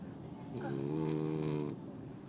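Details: Sleeping French bulldog with a snaggletooth snoring loudly: a single low, buzzing snore lasting about a second.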